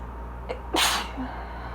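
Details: Single sneeze during an allergy fit while reading aloud about pollination: a quick inward catch, then one sharp, explosive sneeze in a quiet room with a low hum.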